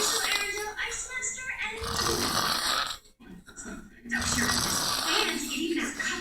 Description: My cousin snoring loud lmao